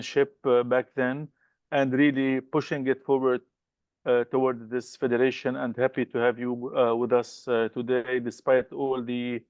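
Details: Adult male speaker; Normal speech.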